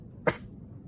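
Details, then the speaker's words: Adult patient, sitting up, breathes out fully, inhales deeply, holds, then gives one short, forceful productive cough on request, spitting clear sputum into a napkin; acted in a class demonstration. "Yes, was able to give a productive cough."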